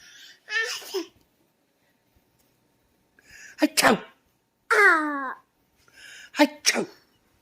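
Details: One-year-old boy on his first birthday doing a playful fake sneeze dance: a few vocal bursts shaped like a sneeze, "ah-choo", as a game.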